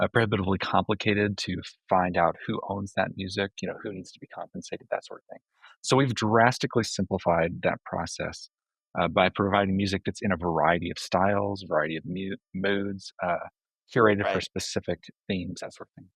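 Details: Adult man speaking; normal voice.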